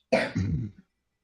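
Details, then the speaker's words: A single harsh cough burst with a rougher throaty tail, from a person who says they sometimes have an itchy throat; an ordinary cough. "Yeah, that sounds like a nasty cough you have over there."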